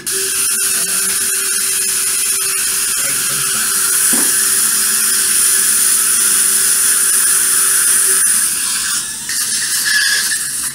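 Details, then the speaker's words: Dental implant drilling in a maxillary anterior extraction socket during implant placement: a steady high-pitched surgical drill whine running continuously with a brief squeal partway through, over faint room noise. "this is my drilling technique in the maxillary anterior extraction socket so please please implant like this"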